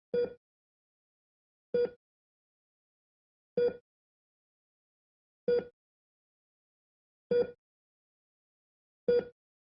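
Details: Realistic hospital-style ECG heart monitor sound effect: six short, evenly spaced electronic beeps, about 33 per minute, over silence.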